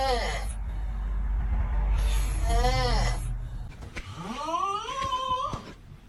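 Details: Loud, rumbling heavy snoring with rising, groaning tones on each breath over room noise.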